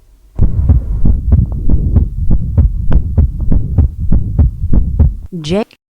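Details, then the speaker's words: Fast, regular lub-dub heart sounds with a soft murmur filling the gap between the first and second sounds; systolic ejection murmur, presented in a congenital heart defects lecture. "again just focus on the focus on the space between the lub and the dub and that's where you're hearing that little murmur"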